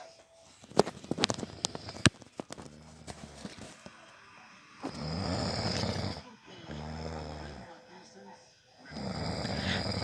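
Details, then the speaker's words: Husband recorded snoring at night by his wife because he denies snoring; long, rough, buzzing breaths with a rattling, snorting quality, likened to a mare; snoring during sleep. "ah padre sí parece una yegua parece una diego cuando están rellenando ronca como una yegua rechinando"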